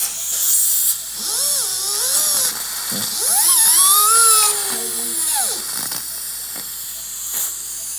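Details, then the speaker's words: High-pitched whine rising and falling as a robot-guided (Yomi) surgical drill bores into the maxilla of a fully sedated patient for bone-screw fixation during full-arch dental implant surgery: dental surgical drill. "each drill is Guided by the yomi plan software ensuring the bone screw does not interfere with the surgical plan and is clear of any key patient Anatomy"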